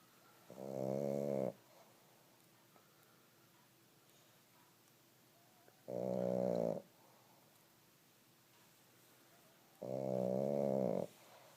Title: Snoring pug